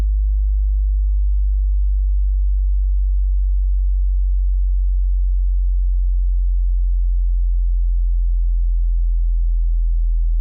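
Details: Hearing test tone at the low end of a high-to-low sweep: a steady, very low pure tone held throughout.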